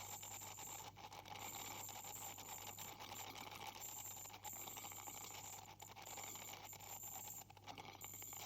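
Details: Dental hygienist using an ultrasonic scaler on a patient with significant plaque and tartar buildup, possibly with gingival inflammation: steady high-pitched whine with scraping and water spray, broken by short pauses; teeth polished afterward.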